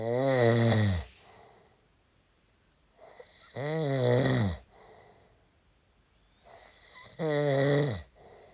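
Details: Husband snoring: loud, rattling snores on each breath in, about three in eight seconds, with quiet exhalations between.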